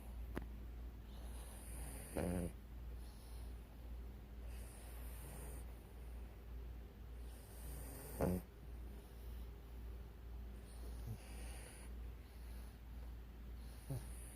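Soft, slow snoring breaths from sleeping dogs with occasional snorts, over a steady low hum; snoring.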